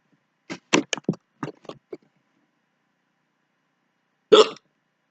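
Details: Short sharp gulping hiccups in a quick run, then a pause and one more hiccup; owner says the subject rarely hiccups.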